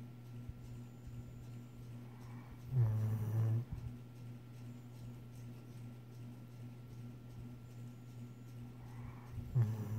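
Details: Low, rumbling snores about seven seconds apart over a steady humming room noise: snoring.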